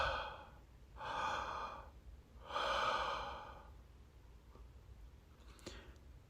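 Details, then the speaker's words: Two slow, deep, airy breaths in and out, then quiet: deliberate deep breathing through nose and mouth while a dental impression tray is held in the mouth during the 5-minute setting wait. "inhale and exhale deep we're going to wait 5 minutes just like you hear this sound when I breathe that's the way you got to breathe when you breath"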